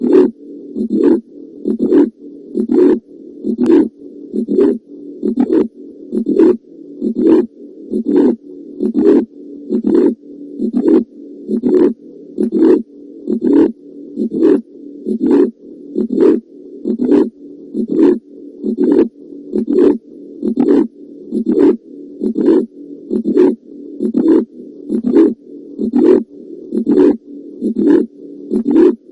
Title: auscultation heart murmur